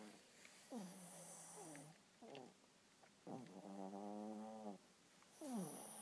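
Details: Sleeper snoring: slow, soft, groaning snores with a whistling, squeaky tone, repeating about every two seconds.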